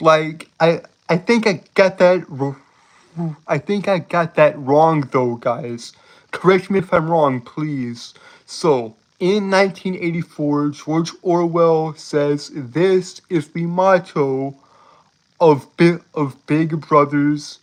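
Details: Adult male streamer with a self-reported speech impediment that makes him stutter and trip over his words; repetitions audible; stuttering.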